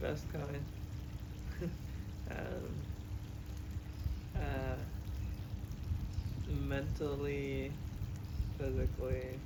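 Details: Expressive aphasia with oral apraxia and right-sided paralysis in a man after an unexpected hemorrhagic stroke at age 27.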